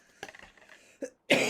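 A brief throaty clearing followed by a single forceful cough burst in a quiet room; an ordinary adult cough.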